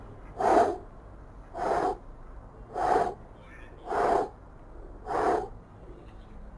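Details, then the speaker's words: Recorded mitral regurgitation example played in a cardiology auscultation teaching session; the murmur is said to be heard radiating to the axilla: regular blowing pansystolic murmur with each beat, about 52 a minute. "طيب بصوا احنا هنفتح دلوقتي هافتح لكم مثال على الصوت علي على الميترال رجالي اسمع اللي هي بتاعت"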